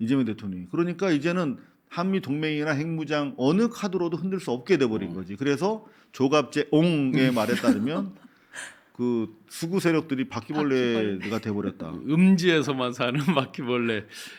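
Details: Adult male speaker; normal speech.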